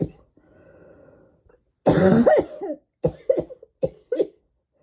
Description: My throat and my lungs are just so tickly all the time.